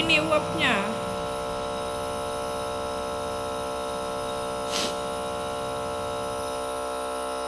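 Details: 2-year-old child who has a cough and is getting steam/nebulizer treatment: steady electric hum of the running nebulizer compressor, with the child's brief voice at the start.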